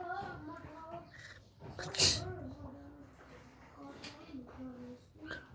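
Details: A baby's soft fussing vocal sounds, then one sudden sneeze, followed by quiet voiced babbling.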